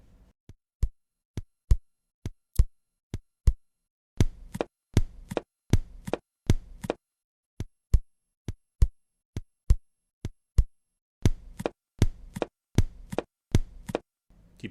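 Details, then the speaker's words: Simulated sounds over the pulmonary artery, about 68 a minute, comparing normal beats with a loud, doubled second sound: split second heart sound with accentuated pulmonic component. "Давайте сравним норму легочной артерии и акцент с раздвоением второго тона на легочной артерии"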